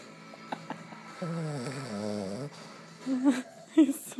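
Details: Boston terrier snoring while sleeping with eyes open: a drawn-out, vibrating, groan-like snore with nasal snorts, over faint background music.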